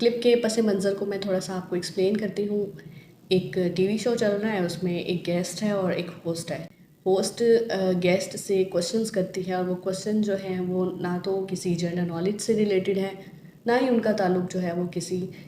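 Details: Adult woman speaking Hindi/Urdu; Normal fluent speech.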